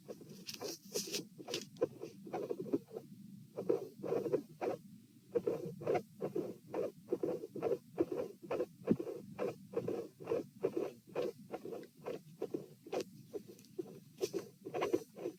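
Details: Dilated aortic root, recorded at position P while lying, sitting and standing, 66–72 bpm: irregular rhythm with midsystolic murmurs and a cyclic extra second-sound component.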